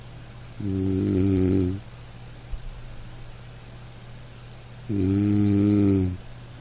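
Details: Two slow, deep, rattling snores on breathing in, a few seconds apart, with quiet pauses between, recorded from a household snorer during sleep.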